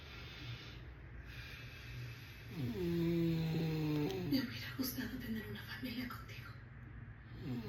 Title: #ronquidos